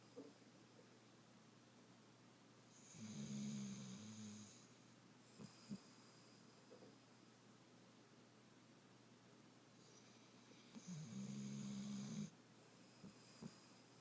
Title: Snoring puppy